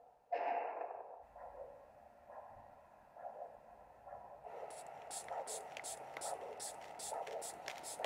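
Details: Rhythmic whooshing handheld Doppler pulse about once a second, clearer as the ankle cuff deflates, over the posterior tibial artery during a simulated OSCE ABPI measurement on a volunteer with no medical history; normal arterial signal.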